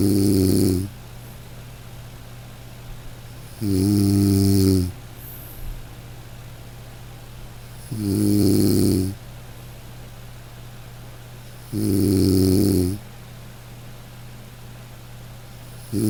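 Loud, regular voiced snores about 15 a minute, each lasting about a second, with quiet pauses and a steady low room hum between them.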